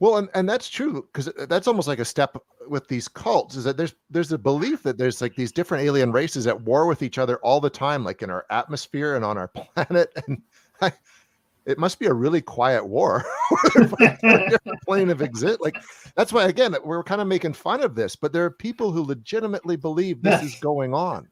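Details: Adult speaker; typical speech.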